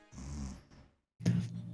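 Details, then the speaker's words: Two low, rattly snores from a sleeping adult woman who fell asleep during a livestream, separated by a short quiet pause. ">> Was she snoring? >> WHO IS THAT, HER? Oh my god, that's the cutest thing I've ever heard in my [ __ ] life."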